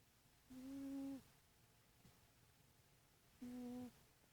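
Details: Sleeping cat's light snoring: two soft, steady, humming whistle-like tones about three seconds apart in a quiet room.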